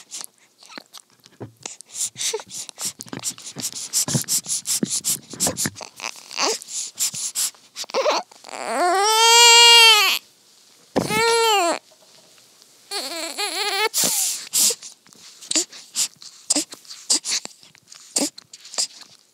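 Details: Newborn girl at her first feeding, making soft feeding and mouth sounds, then several loud, high, drawn-out wailing cries with brief pauses between them.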